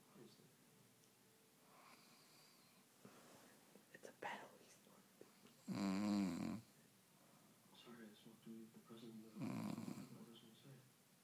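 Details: Two loud, rough snores from a sleeping man over background television speech and music; ordinary snoring.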